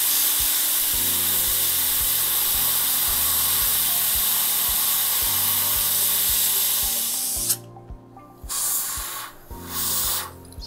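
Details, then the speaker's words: High-pitched whine of a dental drill with a size 35 inverted cone carbide bur, pausing briefly, removing a 20-year-old amalgam filling with open margins from tooth #14 in a 39-year-old patient; soft music behind. "for this preparation i'm using a size 35 inverted cone carbide i don't need mechanical retention for this restoration but it removes amalgam very efficiently and it works comfortably in my hands"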